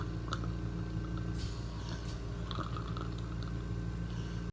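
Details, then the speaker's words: Actively dying patient at end of life: wet, gurgling breath noise as air passes over pooled saliva, terminal secretions (death rattle), often mistaken for lung sounds or drowning. "so the death rattle what is it it's actually called terminal secretions many people think that the sound that they're hearing at the end of their loved one's life is coming from the lungs"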